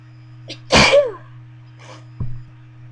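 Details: Adult sneeze deliberately induced by tickling the nose with a bobby pin: a quick in-breath, then one sharp explosive sneeze and a softer nasal sound, part of a series of about 30 sneezes with some stifled sneezes and nose blowing.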